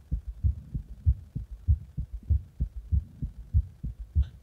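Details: Own heartbeat recorded after pressing on the chest: steady, regular low thumping heart sounds at roughly 95 to 100 beats a minute.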